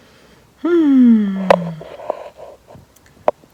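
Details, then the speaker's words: Adult woman with whooping cough of almost a month, with coughing fits: a long, strained, high-pitched tonal breath followed by a few short cough bursts; pertussis coughing fit. "I had about five coughing fits in the middle of it"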